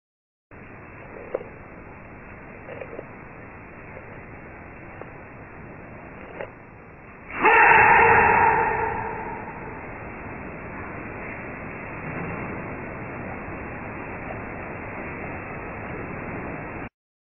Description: Ever heard of the sneezing panda? Well, a baby panda sneezes and gives the mother a fright.